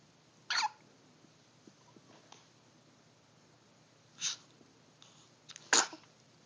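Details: Three brief, sharp, breathy bursts over about six seconds in a quiet room; hiccups.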